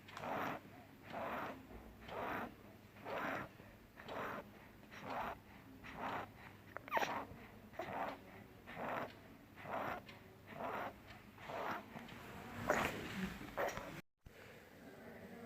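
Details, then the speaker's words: 3-year-old child with pneumonitis, chest indrawing and fast breathing at about 60 breaths a minute, with coarse crackling; crepitations and rales heard distinctly, attributed to accumulated mucus and bronchial spasm. "friends, this was a video of 3-year-old child having neonitis, says enjoying variable with fast breathing, rales and capitation hard distinctly due to accumulated mucus and bronchial spasm."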